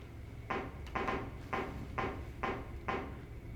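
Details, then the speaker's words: Click-evoked otoacoustic emission recorded in the ear canal, minimal response: five evenly spaced click presentations, each followed by almost no echo-like response, mostly just the click. "Didn't hear much of a response, that was just mostly the click."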